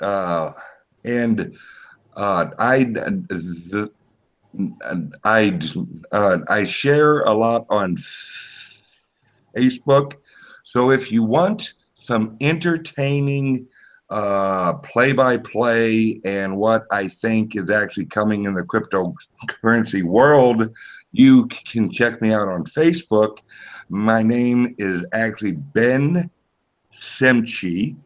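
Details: Speech impediment with disfluent speech, type not named, self-reported by the man speaking.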